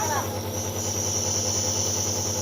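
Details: Steady hiss with a constant low hum and buzz from a running nebulizer compressor, used for cough, cold and asthma in children and adults.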